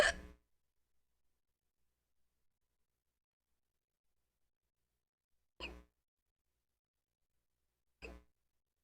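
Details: Three short, abrupt throat catches several seconds apart, separated by silence, from a person having hiccups; hiccups.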